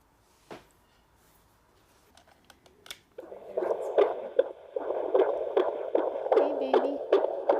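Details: Fetal heartbeat on a midwife's Doppler at a prenatal check before a planned home birth, the mother lying back: rapid whooshing at about 150 a minute, with an acceleration during fetal movement, a good sign from an active baby.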